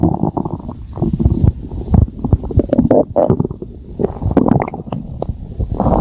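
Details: A person's stomach growling (borborygmi): low gurgling, bubbling rumbles with irregular squelching pops that run continuously.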